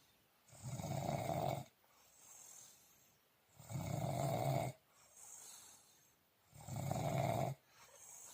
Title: Deep sleep with snoring